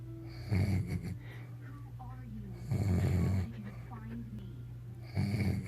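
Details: Sleeping adult man (boyfriend) snoring. Three loud, rough, low snores on inhaling, with quieter breathing and faint sounds between; snoring.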